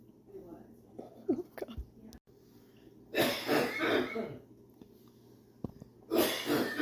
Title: hardest coughing ever. #funny #cough #wow